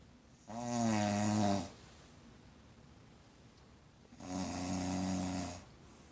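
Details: Snoring while held in someone's arms: two loud, drawn-out rattling snores on breathing in, each about a second long, with quiet between.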